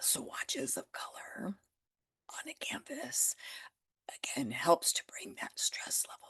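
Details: Adult with spasmodic dysphonia that began after stress and illness while building a business. It is still audible and being managed naturally; Botox declined: spasmodic dysphonia.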